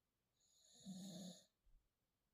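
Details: Young pit bull/bulldog-type puppy trying to sleep: a single drawn-out snoring breath with a buzzing, whistly quality, then quiet; loud snoring.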